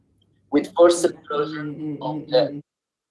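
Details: Spasmodic dysphonia, a focal laryngeal dystonia, in a woman with Meige syndrome (blepharospasm with oromandibular dystonia and overflow neck movements), later treated with botulinum toxin injection.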